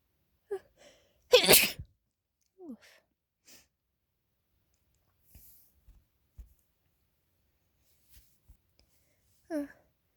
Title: late night uncovered and stifled sneezes